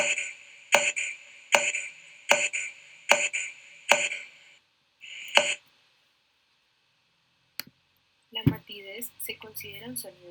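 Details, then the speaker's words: Tympanic percussion note, as over gas-filled organs such as stomach, intestine or Traube's space: six evenly spaced taps with a hollow, drum-like ring, then a pause and brief speech. "El timpanismo es un sonido ocasionado por la vibración de un gas que se halla a presión dentro de una cavidad de paredes elásticas."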